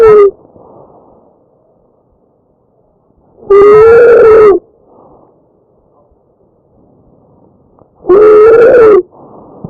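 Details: Tracheal stridor recorded from a real patient: loud high-pitched musical crowing on each breath, roughly every four to five seconds, with quieter breathing between; stridor from narrowed upper airway.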